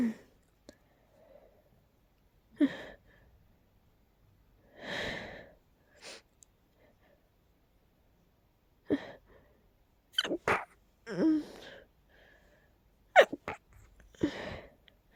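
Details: Person with a very tickly nose trying hard to stifle sneezes: several soft, breathy, muffled bursts with quiet gaps between; stifled sneezing.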